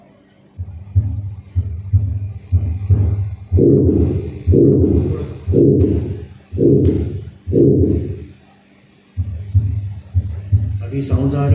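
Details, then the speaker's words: Teaching recording of aortic stenosis at an auscultation workshop: regular heartbeat near 62 a minute with a harsh, loud ejection systolic murmur. It may have a thrill at the aortic area and an ejection click, and is enhanced on expiration. "as per characteristic it is hard loud and may have an associated thread at the iotic area and an ejection click as well"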